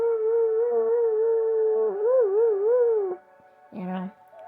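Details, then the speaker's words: Owner's imitation of the dog's howling on return home, attributed to separation anxiety: a long, wavering, tuneful howl followed by a brief higher yelp. "Sheila acts like I've been gone forever. And boy, does she let me have it."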